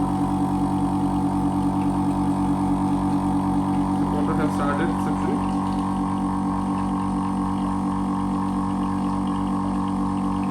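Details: Otica OSUC-11 portable phlegm suction machine demonstrated at maximum suction, drawing water from a bottle: steady motor hum and drone with brief gurgling as fluid is drawn through; suction machine running.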